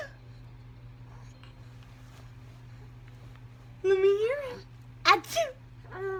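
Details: Imitated sneeze from an infant of 17 weeks pretending to sneeze: a quiet room, a rising voiced sound, then a sharp, loud playful burst; an imitation, not a real sneeze.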